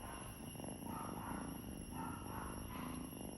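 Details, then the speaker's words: Pet cat purring while being touched: soft, rhythmic low rumbling; owner says it is affection, not chest congestion; normal purr. "അപ്പൊ ഞാൻ പറയും അത് കഫക്കെട്ട് കൊണ്ടെന്നല്ല അവര് നമ്മളോട് കാണിക്കുന്ന ഒരു സ്നേഹമാണ് നമ്മൾ അവര് തൊട്ടു കഴിഞ്ഞാൽ അപ്പൊ ആ സൗണ്ട് വരും"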